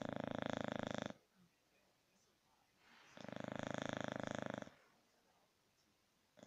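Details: Sleeping English Bulldog: loud, rattling snores, two long snoring breaths separated by quiet pauses; snoring.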